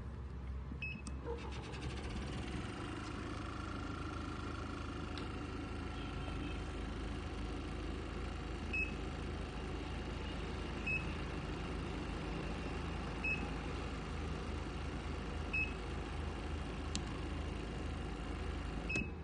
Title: AOPUQI NYY-100 Medical Portable Oxygen Concentrator with Battery